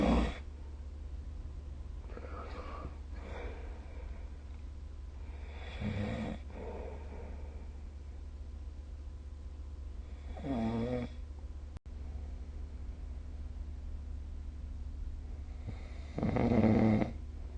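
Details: Rough, rattling snores every few seconds over a steady low room hum, recorded with the SnoreLab snoring app; snoring.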